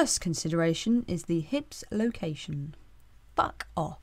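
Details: Vocal tics interrupting a woman's voice-over recording, genuine outtakes; she has Tourette syndrome with echolalia, mimicking environmental sounds.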